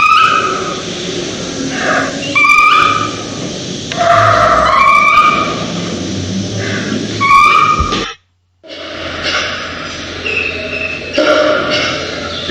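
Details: Dog with laryngeal paralysis and inspiratory effort: noisy, labored breathing with a high-pitched whistling sound on each in-breath; inspiratory stridor.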